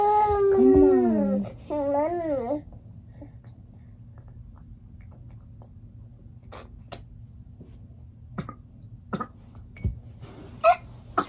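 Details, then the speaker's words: A sick baby girl with the flu, being fed baby food, gives two strained, retching vocal bursts, then goes quiet with faint room sounds; gagging. "I see you gagging on everything y'all okay okay okay I'm gonna just give her the Pedialyte because she hungry"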